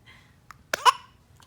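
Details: 7-month-old infant babbling between hiccups: a soft coo, then a sudden sharp catch followed by a brief voiced sound; infant hiccup.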